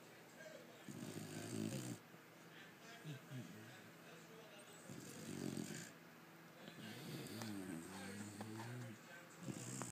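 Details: Pit bull puppy that snores loudly all the time, asleep: loud, rough snores on each in-breath about four seconds apart, with softer fluttering sounds between them; heavy snoring.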